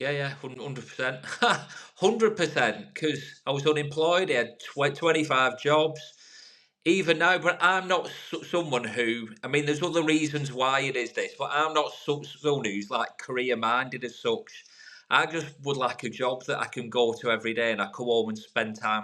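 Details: Adult man from the UK who has stuttered for over 30 years, improved over about 3 years of therapy over Skype since COVID and public speaking groups, now no longer a big issue; stuttering.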